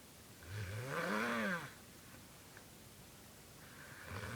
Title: Weirdest snore ever